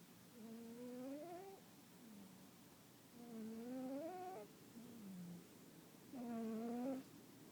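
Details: Sleeping pet cat, described as a hard sleeper, snoring: soft, whistly, rising tonal snores on each breath, about 21 a minute, with quieter sounds between them.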